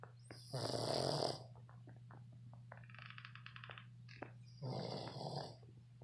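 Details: 7-month-old red Boston Terrier snoring while asleep.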